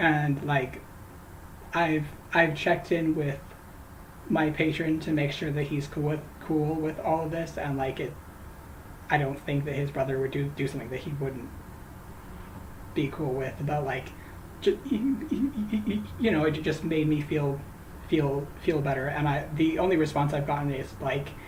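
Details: Adult who says they stutter, with stuttering worse on names; talking while crocheting; stuttering.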